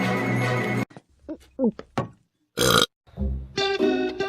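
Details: Burping.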